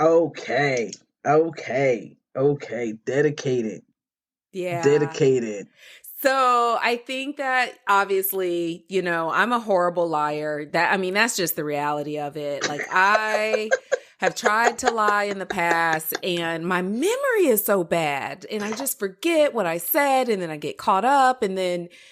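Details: Adult speaker; normal conversational speech.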